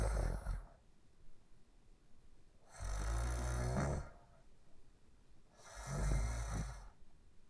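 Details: Loud, low rumbling snores on each breath, about 20 a minute with quiet pauses between; snoring during sleep.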